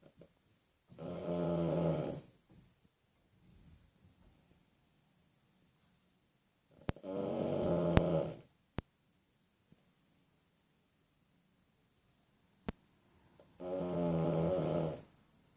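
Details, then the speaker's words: Three loud, rumbling snores from sleeping dogs, roughly ten per minute, with quiet pauses between. "dogs can snore as loud as humans can. Can you hear them?"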